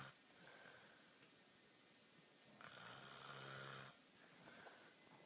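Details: A brother snoring: a low, buzzing rattle on the in-breath among quieter breaths, with some room noise.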